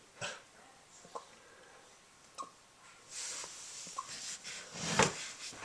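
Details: Golden Retriever puppy with hiccups: soft, sharp catches recurring about once a second over background rustling and noise.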